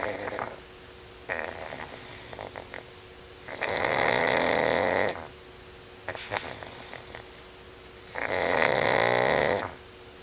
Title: Snoring Pug